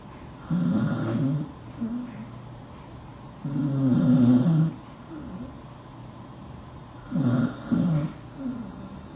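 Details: Dachshund dog sleeping under a desk, snoring: low rumbling snores, about 18 breaths a minute, with softer snuffles on the out-breaths.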